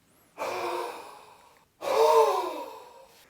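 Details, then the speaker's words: Huff cough demonstration, forced expiratory technique of the active cycle of breathing: full breath in through the nose, then two forceful open-mouth breathy exhalations without a cough's sharp closure, for mucus clearance. "take a full breath in through the nose and then Force the air out through your mouth to create a huffing"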